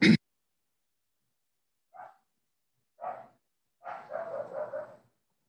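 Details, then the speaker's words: A child's paroxysmal cough bursts, followed by a drawn-out, high-pitched inspiratory whoop, shown as a classic case in a talk on cough in children: pertussis (whooping cough). "This is the classical pertussis. Like um we do see uh still uh patients, one or two patients in a month. Uh pertussis um typically presents like uh paroxysms of cough, bouts of cough, and followed by inspiratory whoop."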